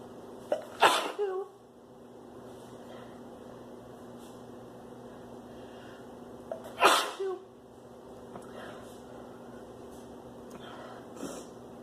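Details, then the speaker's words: Adult female with spring pollen/flower allergies sneezing: two loud voiced sneezes about six seconds apart, each after a quick intake of breath, over steady room hum; allergic sneezing. "I'm gonna excuse it. I have to sneeze. Achoo."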